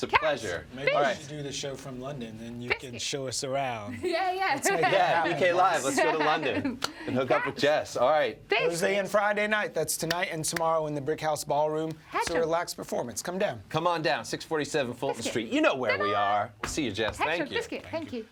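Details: Adult male speaker; normal fluent speech.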